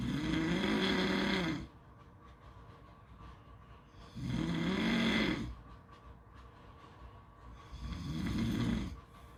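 Three loud, rough, rattling snores on inhaling, about 16 a minute, with quiet pauses between.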